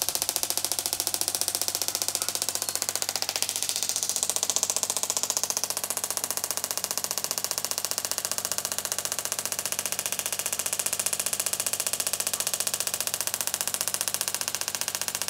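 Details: Steady fast rattling clicks, about two per second, buzzing throughout: an extracorporeal shock wave therapy (ESWT) device delivering pulses during the third treatment of a 13-year-old Quarter Horse mare lame on and off for months.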